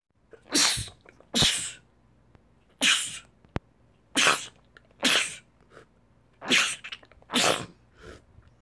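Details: Seven sharp, hissy sneezes in a row, about a second apart with short pauses between.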